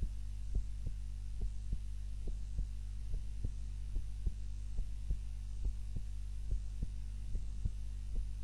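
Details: Heart sounds recorded by timer during a daytime nap, lying on the back rather than the usual face-down: steady soft low thumps about 70 a minute over a constant hum; normal heart sounds during sleep.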